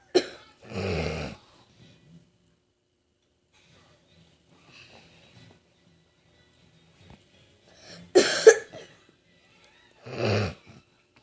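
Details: About three separate, forceful, harsh coughs spaced several seconds apart, with quiet gaps and faint background sound between them; cough.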